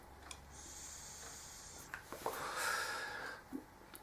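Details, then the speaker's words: Adult with a head cold and chesty cough after a seaside holiday, breathy nasal sniffs and a brief snort-like snuffle: congested nasal snuffling. "snuffling its Chester you can probably hear me snuffling and stuff we all came to help we all must be allergic to the sea air"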